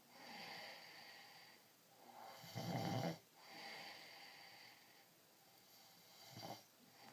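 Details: A 2-year-old toddler snoring in sleep: rough, low, rattling snores, with two loud snore bursts in about seven seconds and quieter airy breaths between them.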